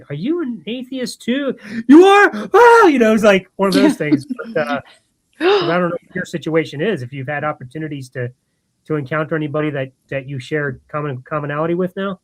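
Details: Adult speaker; ordinary conversational speech.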